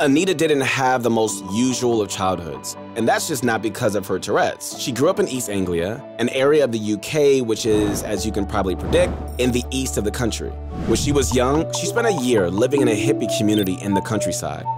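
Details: Adult male narrator; normal fluent speech.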